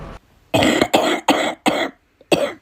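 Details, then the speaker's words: Run of about five harsh, forceful coughs in quick succession, each a short noisy burst, during a gaming session; described as the worst cough of the person's life. "Had more of a cough than a laugh."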